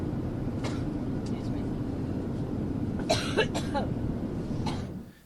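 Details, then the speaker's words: Adult woman coughing fit on a campaign plane to Iowa, prompting a request for water: several short, harsh coughs over steady aircraft cabin rumble. "has suffered another coughing fit the latest episode took place in front of reporters on her plane while flying to Iowa for a campaign stop the sudden fit caused her to ask for water"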